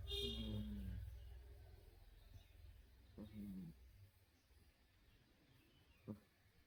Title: Old kitty snoring